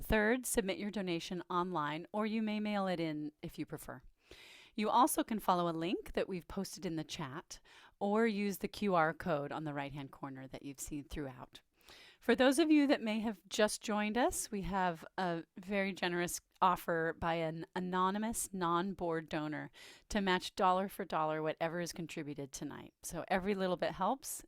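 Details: Adult woman speaking; Normal speech.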